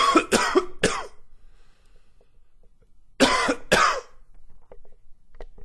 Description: Morning smokers cough.